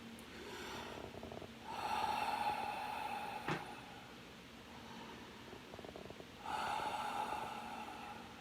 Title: Sleep breathing (snoring. Sniffles edition)